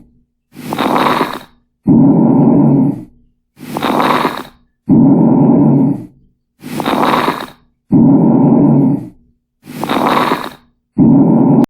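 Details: Coarse crackles: loud, rough breath sounds at about 20 breaths a minute with coarse crackles, suggesting fluid or secretions.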